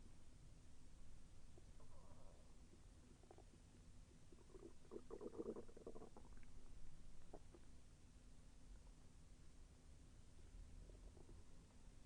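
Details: Quiet gurgles and bubbly rumbling bursts over low background hiss during digestion; the person felt the intestine move with slight pain. Bowel sounds (borborygmi).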